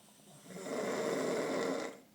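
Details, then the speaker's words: Young woman on her 21st birthday snoring around noon, loud enough that walls vibrate: a single loud, rough snore swelling and fading over about a second and a half. "It's about noon. Walls are vibrating. Michael, he sleeps quietly. I don't know how he sleeps through this."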